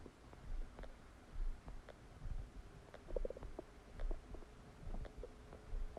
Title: Massive stomach digesting sound after eating a cheeseburger | My Stomach Makes Noises